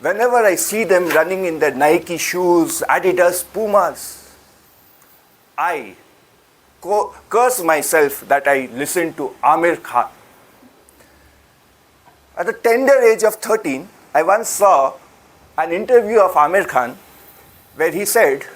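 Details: Adult male speaker; normal speech.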